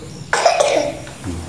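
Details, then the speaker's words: One short, sharp cough burst with a brief trailing sound in a quiet room, from a household where everyone has a cough; cough. "Halo guys Selamat pagi batuk batuk-batuknya"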